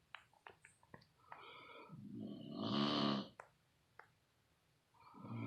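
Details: Loud snoring: one loud, rough, rattling snore on a breath in, with scattered clicks and quieter breathing before and after.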